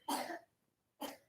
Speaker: I don't know if you can hear her coughing. She's got a wonderful dry cough